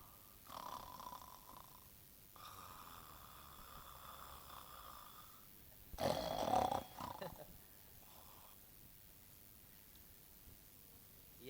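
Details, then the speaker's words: A person snoring, reportedly added as a sound effect of someone's snoring (source unknown): loud vibrating snores with one long droning breath, then a harsh snorting burst and a softer snore. "आवाज टाकताना कुणाच्या तरी घोरण्याचा टाकलेला हे लक्षात ठेवा तुम्ही पण कोणाचा टाकला मला माहित नाही आता अशी काय घोरतात माणसं आमच्या घराजवळ"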